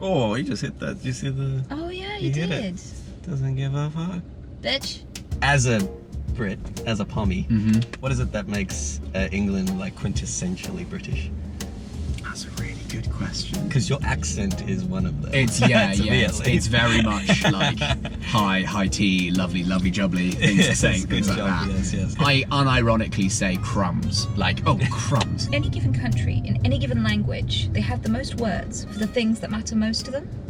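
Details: Adult woman with Tourette syndrome; involuntary shouted swear words and phrases interrupt her sentence; vocal tics with coprolalia.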